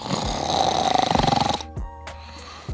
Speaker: no escuchas están roncando tú roncas tú roncas